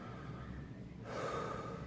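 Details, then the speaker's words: Adult chemotherapy patient taking deep breaths in and out on command during a stethoscope exam of heart and lungs: a single deep breath over low room hum; the lungs sound clear, with no crackling or wheezing. "One more. But your lungs sound clear to me. I don't hear any crackling, any wheezing."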